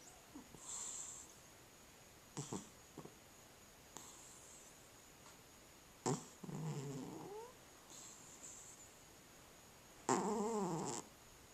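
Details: Cat snoring: soft, uneven snuffling breaths with a couple of louder rattling snores over steady room hiss.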